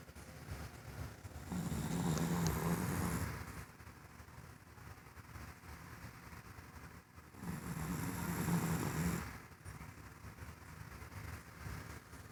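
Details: Deep rumbling snores on each breath in, two snores about six seconds apart (roughly ten breaths a minute), recorded in the dark from Gus, apparently a pet, sleeping: snoring.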